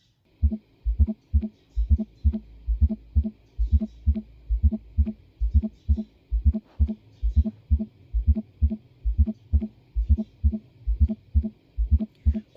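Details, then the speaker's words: Steady low heart thumps near 66 a minute, with an extra soft sound just before each first sound: an abnormal S4 gallop, which is described as indicating hypertension or left ventricular hypertrophy (stiff ventricle). "Correct answer है hypertension या फिर left ventricular आपकी ventricular hypertrophy है स्टिफैन भी कहते हैं य दूसरा नाम भी आपने याद रखना है साउंड भी साथ अटैच है वह सुनना है अब नहीं भूलना चाहिए"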